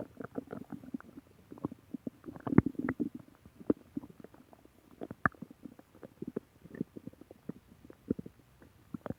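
Irregular bubbling, gurgling and popping bowel sounds, clustered and near-continuous. Stomach growling from gas and fluid moving through the gut.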